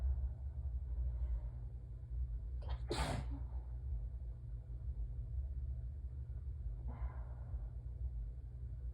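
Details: Allergic sneezing fit with hitching, person holding a peppermint in the mouth: one loud, sharp sneeze and a fainter second sneeze over a low room rumble.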